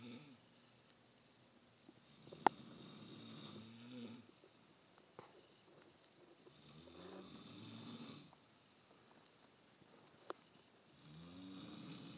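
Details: A son snoring, likened to his mother: three slow, regular rasping snores of about two seconds each, with quiet pauses between, in a small room.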